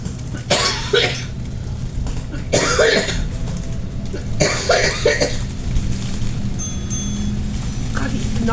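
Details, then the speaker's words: Several harsh, dry cough bursts in close clusters over the steady rumble of a moving bus, from a mother in a coughing fit with a tickle down the throat. "sorry there was a lot of coughing because my mom is suffering from a coughing fit fit y tickle tickle down the throat"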